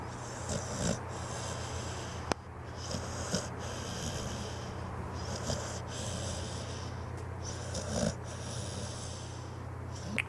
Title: The Snoring Pitbull